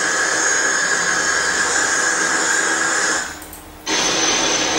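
Simulated tinnitus: a steady, grainy crackling hiss with faint high ringing, briefly dropping out near the end.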